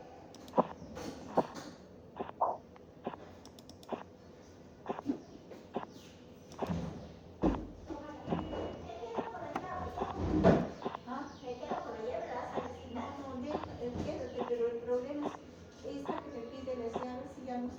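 Regular tapping beats, about 70 a minute, continue through the whole cuff deflation, softening and changing tone partway but never fading out. Korotkoff sounds that persist to zero mean a very low diastolic pressure and a wide pulse pressure, as in aortic insufficiency; the reading here is 124/74/0.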